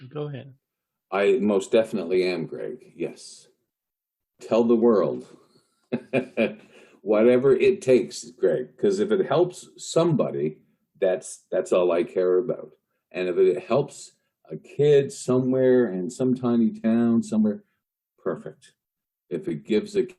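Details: Lifelong stuttering in an adult male news reporter who has long hidden his stutter using tools and strategies, with associated panic and anxiety in stressful speaking moments.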